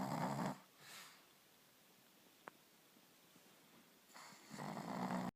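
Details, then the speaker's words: Pug sleeping at night: loud rattling snores on each breath with quiet pauses between; noisy snoring every night. "This is what we have to endure every night. And you thought your husband or wife snored badly."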